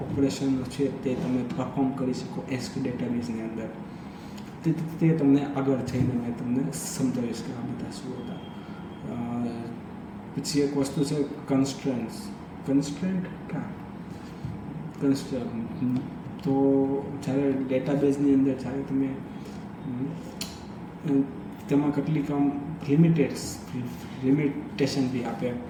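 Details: Adult man who stammers, doing daily speech practice (tongue and lip exercises, tongue twisters, breathing, story-telling); stuttering.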